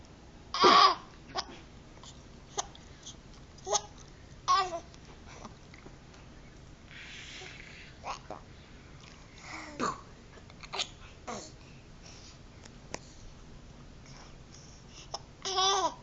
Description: 6 month old baby laughing until he gets hiccups